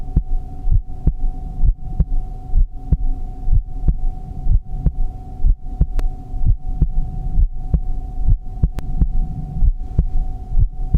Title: Heartbeat sound | relaxing 💜